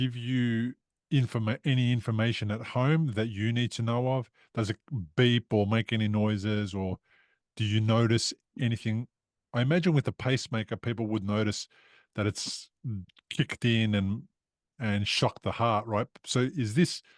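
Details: Adult male speaker; normal speech.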